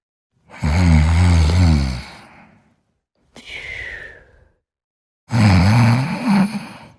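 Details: Sleeping subject snoring: two loud, rattling, drawn-out breaths with a softer airy breath between; ordinary snoring in sleep.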